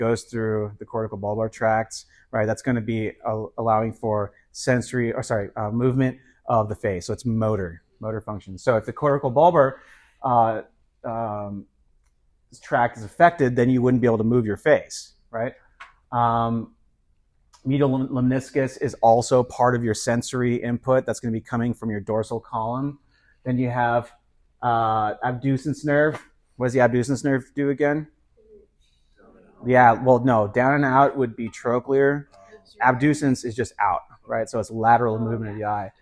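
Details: Adult male lecturer; normal speech.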